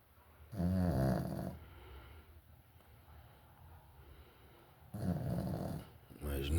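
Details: Sleeping dog snoring: two loud, rough, rumbling snores about four seconds apart, with quiet room noise between them.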